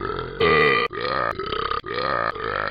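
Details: A run of long, rumbling voiced belches strung together with brief breaks, performed as a deliberate "burp song."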